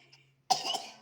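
A single sharp, harsh acted cough bursts out after half a second of quiet room hum, fading quickly.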